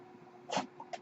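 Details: A steady low hum with a short airy puff of rushing air and a brief second hiss: a mechanical ventilator breath cycle from the male podcast host's own ventilator, recorded in real life while he speaks.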